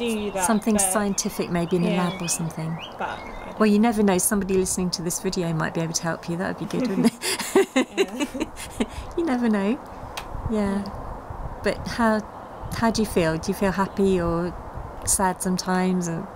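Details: Adult speaker, possibly a second voice; typical speech.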